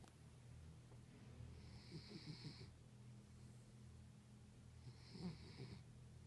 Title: terrier snoring